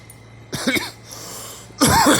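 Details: Adult gives two voiced coughs separated by a short breath, with faint room noise behind; cough.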